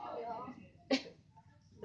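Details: Chicken coughing: brief vocal sound followed by a single sharp, sneeze-like burst, a respiratory sign.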